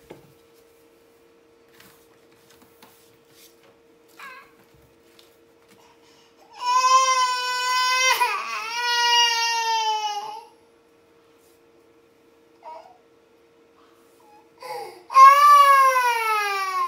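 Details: Two bouts of loud, clear, high-pitched infant crying separated by quiet, with a faint steady room hum; a baby made to cry by a Norwegian Forest Cat.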